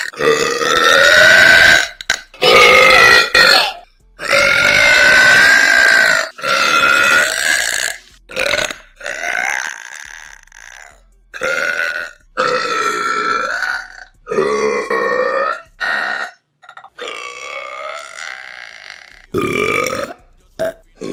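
A run of about a dozen loud, drawn-out voiced belches from an adult, with brief pauses between them.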